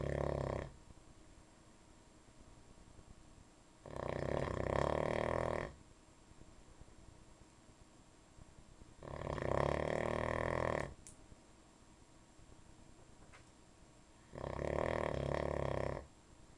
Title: Logan Snores